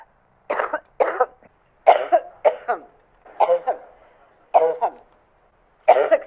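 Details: Simulated coughing fit in a political satire sketch: about seven harsh, separate acted coughs in six seconds, some in pairs.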